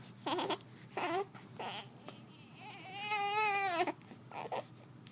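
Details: Baby: short, fussy infant cries and whimpers, including one longer wail; ordinary infant crying.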